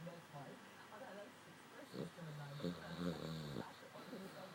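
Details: Dog snoring: rough, rattling, low-pitched breath sounds with snorty vibrations on each breath over faint room noise; the owner says he can snore louder than this.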